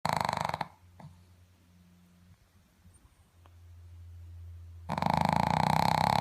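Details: Sleeping dog: loud, rough snoring breaths with a quieter low rumbling stretch between; snoring.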